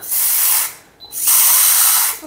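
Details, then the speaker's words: High-pitched whine of a 3.2 dental implant drill passing through a matching numbered key in a surgical guide, in two bursts with a brief pause, during guided keyhole implant surgery. "Okay, ఈ 3.2 అని ఉంది చూసారా, దీనిలో కరెక్ట్గా ఇది వెళ్తుందండి. ఈ 3.2 drill వెళ్తుంది ఇట్లా,"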